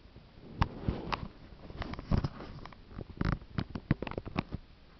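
Irregular gurgles, pops and low rumbles from the abdomen, typical of active bowel sounds.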